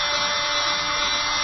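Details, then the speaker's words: Oscillating cast saw: loud, steady buzzing whine. The blade vibrates rather than cuts, so it cuts rigid plaster but not soft tissue, and padding under the cast protects the patient. "fait pas mal ne coupe pas en revanche elle vibre et ce qui veut dire que ça permet de couper ce qui est rigide mais pas ce qui est mou"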